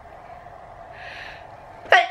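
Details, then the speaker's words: Adult having a sneezing attack in the morning; a breathy indrawn build-up ends in one sharp, loud sneeze, part of a run of repeated sneezing. "I think I'm having a sneezing attack, guys."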